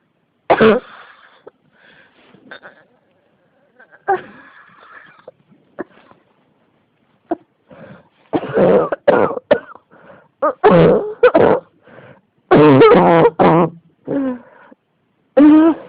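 Repeated harsh coughs come in bunched bursts, with throat clearing and strained breaths between them. This is a persistent cough that keeps returning.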